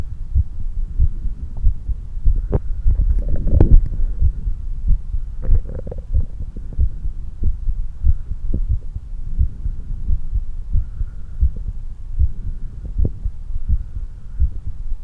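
Muffled, rapid heartbeat at about 95 a minute, with some rubbing noise: quickened normal heart sounds after exercise.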